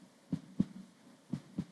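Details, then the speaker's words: Normal heartbeat of an adult, played to illustrate a steady heart rhythm: two regular lub-dub beats at about 60 a minute, with a faint low hum behind. "들리시죠? 제 심장 소리예요."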